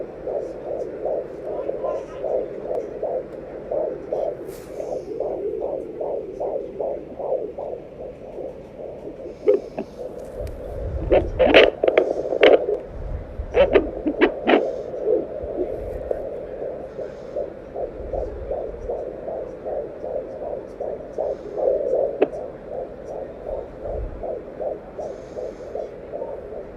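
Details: Fetal heartbeat at 20 weeks of pregnancy on a home fetal Doppler: rapid, regular whooshing beats, about 130 to 140 a minute.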